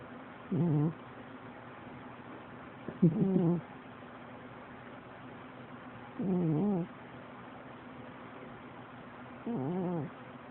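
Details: Loud snoring in a cat: four short, tonal, buzzing sounds about every three seconds, roughly 18 a minute, over a steady low room hum.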